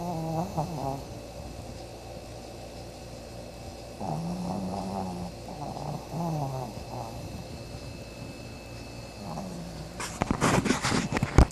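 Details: Sleeping dog snoring loudly: low, rumbling snores with nasal whistling a few seconds apart, over steady room noise.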